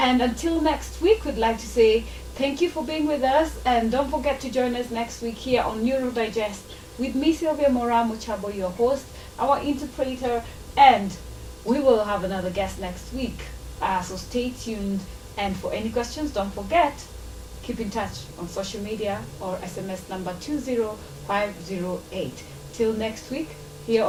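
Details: Adult woman speaking; Normal fluent speech.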